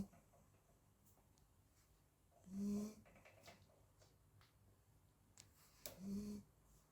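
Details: 40-day-old Labrador puppy napping; two soft, whistling snores a few seconds apart against quiet room noise; puppy snoring during sleep.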